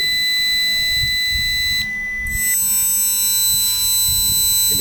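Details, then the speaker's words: Pure-tone audiometry test tones generated by a Python-based hearing-test app, steady high-pitched pure tones stepping from low to high frequency for the left and right ear; patient presses space when heard. "frekuensinya dari kecil sampai besar. Dari yang telinga kiri sama yang telinga kanan juga sama. Dari frekuensi kecil sampai frekuensi besar. Suara ini adalah dikirim oleh Python-nya"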